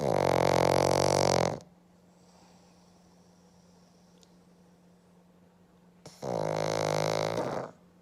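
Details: A black pug snoring heavily on a Monday morning, apparently sleeping comfortably: two loud, rattling, buzzy snores separated by a quiet pause.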